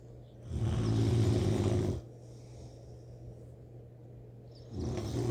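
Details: Snoring during sleep, likened to a grizzly bear: a loud, rough, low rattling snore on one breath lasting over a second, a quiet pause, then the next snore beginning.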